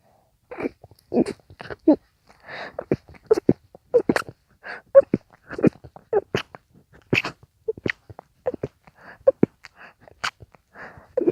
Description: Those sneezes were coming so fast! I could barely breath in between every sneeze. I tried to do my best in stifling them (it was my own challange to myself).